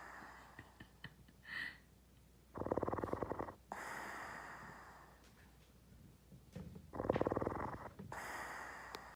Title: snoring